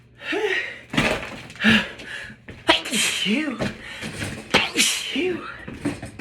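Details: Person at work, not wearing a mask: several abrupt, forceful explosive bursts in quick succession with short voiced sounds and laughter between them; repeated sneezing.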